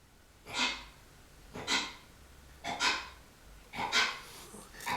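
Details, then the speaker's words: Small dog that owner says is not feeling good: four rhythmic heaving, huffing breaths, about one a second; owner asks whether the dog is puking, retching. "Sancho Panza, what are you doing? Are you puking? My little dog is not feeling good today."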